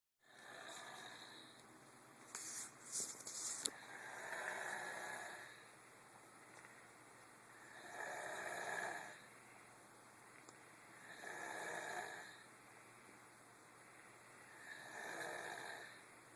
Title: 10 yr old snoring- WOW!!